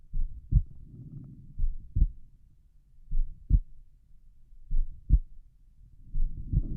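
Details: Normal heart sounds over the pulmonic area at rest: slow, regular paired heart sounds at about 40 beats per minute with normal rhythm.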